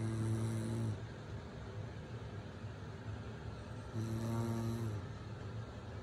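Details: Loud adult snoring of the mother during sleep, two low buzzing droning snores about four seconds apart over quiet room noise, while her baby sleeps through it.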